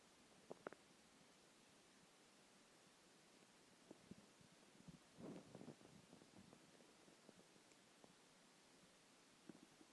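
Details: Stomach growling after skipping lunch: quiet background with scattered faint gurgles and a longer rumbling gurgle midway. Normal hunger borborygmi.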